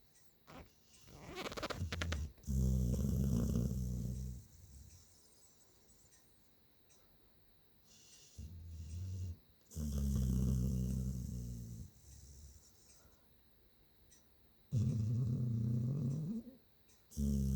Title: Chip snoring 12/15/2019(2)